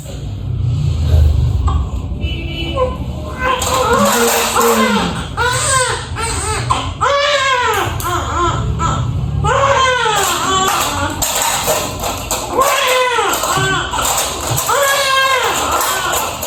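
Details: Repeated strong, rising-and-falling wails of a newborn baby boy just after a midwife-attended normal vaginal delivery, nine years after the previous child, with background music and room noise.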